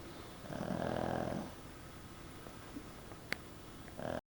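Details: A sleeping pug dog snoring: a buzzing, fluttering snore, a quieter out-breath, then the start of another snore.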